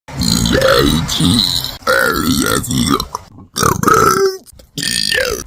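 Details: Adult woman burping repeatedly after drinking 2.5 cans of soda: several long, loud, voiced belches in a row with brief pauses between.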